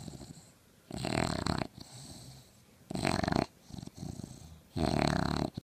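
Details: English bulldog puppy, outsnoring 3- and 4-year-old bulldogs, asleep: loud rattling snores about every two seconds with quieter breaths between; snoring.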